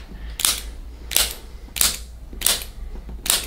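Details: Chiropractic activator instrument clicks on the sternum and front rib cage where rib cartilage meets bone; afterward left head turn, previously restricted, feels easier.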